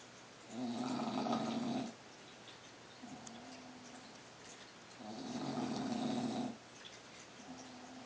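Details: Loud snoring: rattling snores on the in-breath alternating with softer, tonal out-breaths, about 8 breaths a minute.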